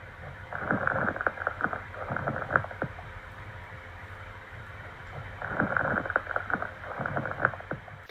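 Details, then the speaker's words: Lung crackles (rales) on auscultation: two breaths with bursts of short clicking, bubbling, crackling pops; related to haemorrhage, pus, pneumonia and oedema. "sonidos pulmonares anormales los más frecuentes son estores sonido chasquean burbujeante y estrepitoso patología relacionada hemorragia pus neumonía y edema"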